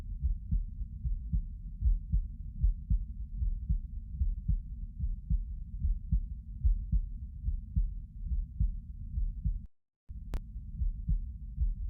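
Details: Normal heart sounds recorded while lying down: muffled, steady low thumps at about 75 a minute, with soft rumbling between beats and a brief dropout.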